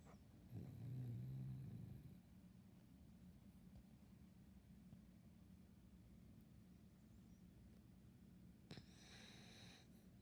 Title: 1 Minute and 37 seconds snoring (Turn up your volume!)￼￼